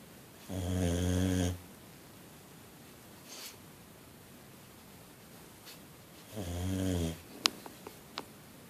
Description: After a long day at the kennel my 6 year old boxer is pooped...she snored away